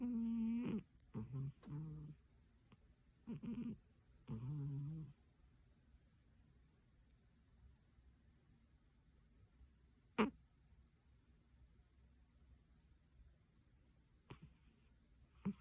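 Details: A sleeping heavy cat gives a run of low, throaty snores, then goes quiet for a long stretch; owner suspects sleep apnea.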